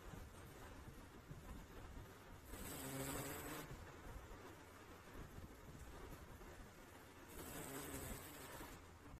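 Two loud rattling breaths about five seconds apart over steady background hum, consistent with snoring.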